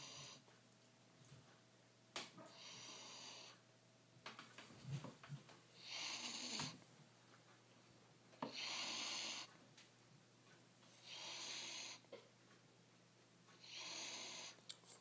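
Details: Soft, airy, hissing snores about every two to three seconds, near 22 breaths a minute, with a few clicks and light room noise: snoring.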